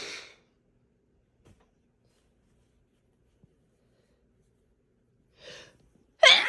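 A sharp, forceful sneeze at the start and a loud one at the end with a short intake before it, in a quiet room.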